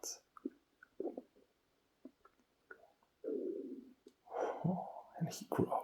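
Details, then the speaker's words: Adult male stomach growling: scattered low gurgles and bubbling rumbles, some sounding as he presses on his abdomen; ordinary borborygmi. "growls. He's mad. Oh, if I press here. Wow. Wow. Just here. Wants to be heard. Yes. Oh yeah. So many sounds, yes."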